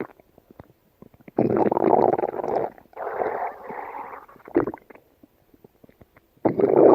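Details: Yellow Labrador dog gut sounds: long gurgling, rumbling runs with short clicks and pops between them; bowel sounds (borborygmi).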